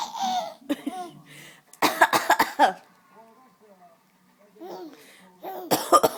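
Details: An adult's voluntary coughs: two short bursts of deliberate dry coughs, with an infant laughing and squealing between them.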